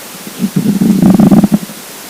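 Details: Hungry, empty stomach: a single loud, low, throaty rumble lasting about a second, rising and fading; borborygmi.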